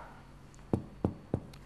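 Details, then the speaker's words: Lung physical examination: chest percussion counting down the intercostal spaces, three short flat taps dying quickly with little ringing; dullness begins after the third intercostal space and persists below, healthy resonance only to that level. Dull percussion note. "pekanya kita hitung 1 dua t setelah ikat tiga sudah mulai peka ke bawah tetap peka jadi batas yang sehat hanya sampai Sela iga"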